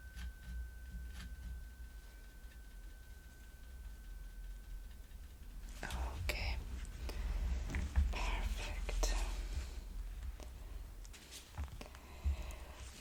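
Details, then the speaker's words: Simulated cranial nerve exam in an ASMR role-play: a tuning fork is struck and held in front of the face for a hearing test, and its steady pure ringing tone slowly fades before handling noise. "Next, we're going to do the tuning fork test. So, going to hit the tuning fork and Then if you can tell me when you stop hearing it."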